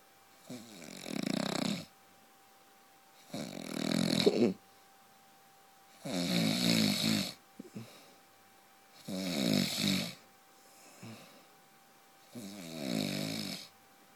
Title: My husband snoring like a truck